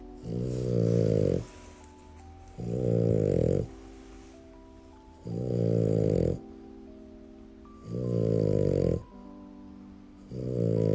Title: Snoring Black Merle French Bulldog